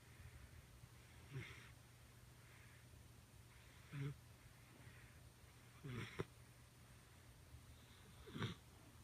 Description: Khaleesi the Doberman (9 weeks) snoring while sleeping on the couch.